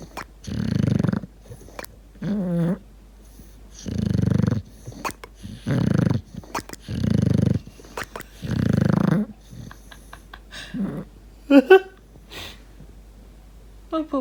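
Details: Deaf English bulldog puppy napping after playing in a field all day: loud, rough snores, about six in 14 seconds, mixed with odd trilling, rolling "prrrp" sounds and squeaky chirps.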